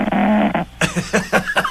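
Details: Sleeping 5-month-old English bulldog puppy, tongue out about an inch, snores loudly: buzzing, rattling snore followed by several short snorting, gurgling breaths.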